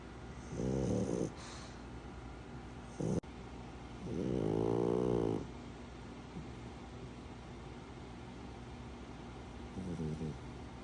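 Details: Pug dog snoring loudly: rattling, buzzing snores with fainter snorts between them over a steady room hum; loud snoring.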